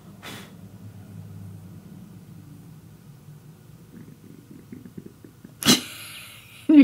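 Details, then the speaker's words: A low, drawn-out rumble, then irregular gurgling pulses and a brief sharp noise: audible stomach growling (borborygmi) in a hungry adult before a meal, a normal finding. "my stomach growling? I'm so hungry!"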